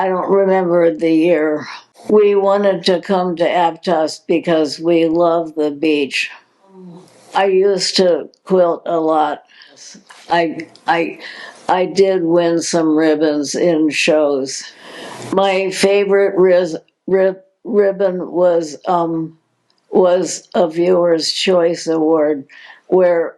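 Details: Adult woman diagnosed in 2020 with progressive supranuclear palsy, a progressive neurological disease with no cure: speech disturbance with word and syllable repetitions in progressive supranuclear palsy.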